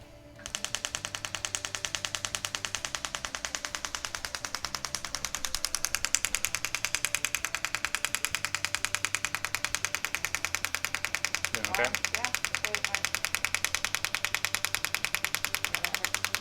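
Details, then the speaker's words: Female patient with tennis elbow (lateral epicondylitis): rapid, very regular sharp clicks, about 200 a minute, after switching to a more focused shockwave head at the elbow; grip felt stronger afterward. "okay now we're swapping out into a much more focused head on the unit"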